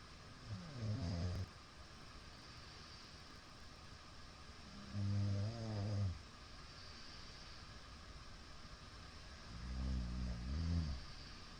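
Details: Middle-aged man's very loud snoring during sleep, recorded 17 April 2022: three loud, low, vibrating snores with quiet pauses between, about 13 breaths a minute, over steady room noise.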